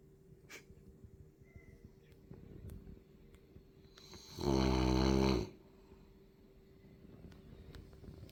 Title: French bulldog deep sleep snoring very loud